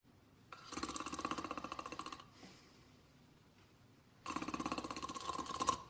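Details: Sleeping dog: two long, rough, fluttering inhalation sounds separated by a quiet exhale; snoring.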